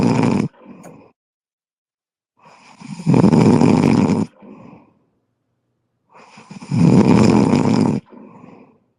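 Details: Heavy snoring during sleep: loud, rattling snores on each breath in, about every four seconds, with softer breaths out between them, in a regular pattern.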